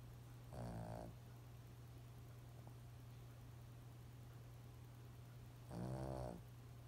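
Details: Snoring from a Lhasa Apso dog.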